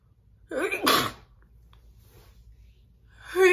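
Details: Single loud, wet sneeze with sharp intake and explosive burst, then the start of another; an ordinary adult woman's sneeze.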